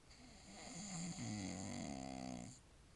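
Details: Man asleep at 9:47 pm after a 2-year-old's birthday party, snoring: one long, low, vibrating snore on an in-breath, with a fluttering buzz toward its end.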